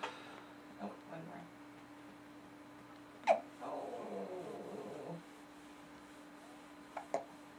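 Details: Three sharp, brief hiccups among soft infant grunts against quiet room hum, from a baby girl having a bout of hiccups; hiccups.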